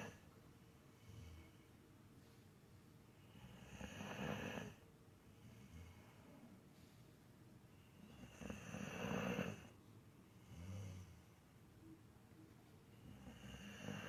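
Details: Sleeping female pit bull terrier, 11 years old, snoring: soft, regular snores at about four breaths a minute, with low room noise.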